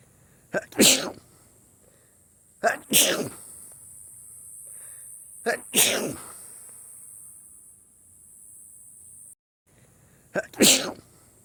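Four sneezes, each a quick indrawn breath followed by a sharp explosive burst, several seconds apart. An ordinary sneeze.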